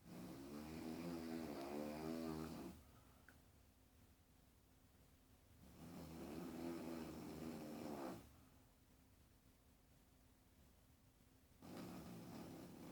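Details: Long, loud, rumbling snores from a sleeping grandmother, with quiet gaps between, about three breaths in thirteen seconds, roughly 14 per minute: heavy snoring during sleep.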